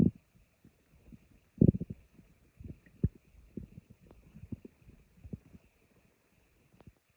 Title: My stomach growling